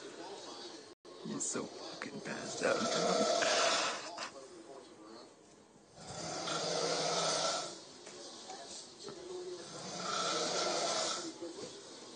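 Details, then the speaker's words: A drunk adult man sound asleep on a couch, recorded from upstairs: loud, harsh, noisy snores on each breath, about 16 per minute, in a small room; heavy snoring. "he's on the couch sleeping and he was drunk now he's sound asleep and he's snoring so you got to listen to this it's so funny"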